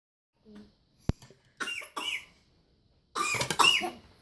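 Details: Baby gives a few short coughs, then a longer burst of coughing mixed with voiced laughter.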